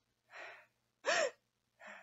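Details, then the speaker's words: Person with Tourette-like tics: three abrupt, forceful gasps in quick succession, the middle one loud and voiced, a new repetitive gasping tic. "Today, this evening, this afternoon, evening, I started this thing where I would like, just gasp in air, and like, “HUH!” let it out."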